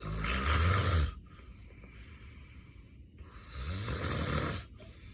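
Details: Real, unacted daytime nap of an adult man with sleep apnea and daytime sleepiness. Two loud, rattling snores on breathing in, with quieter breathing out between them: snoring in obstructive sleep apnea.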